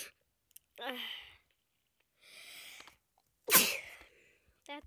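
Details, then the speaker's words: Person who says they are sick with a clogged nose: a few soft breaths and sniffs, then one sharp, explosive sneeze with a brief voiced sound; a single sneeze, one of many. "lot of sneezes oh my gosh"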